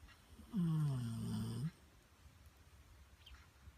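One loud, low, vibrating snore lasting about a second, then quiet breathing; snoring during sleep.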